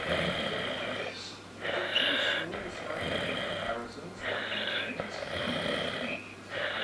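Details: Adult man, the uploader's brother, asleep while visiting in September 2017, with loud, harsh snoring in regular cycles of about 1.5 seconds and short quiet breaks: snoring.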